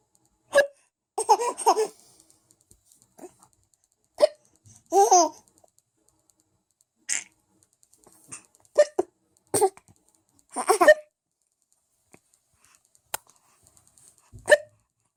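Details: Baby hiccups: repeated sharp, sudden hic sounds at irregular intervals, mixed with giggles and laughter.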